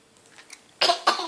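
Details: Dog coughing: two sharp, harsh cough bursts after a quiet start.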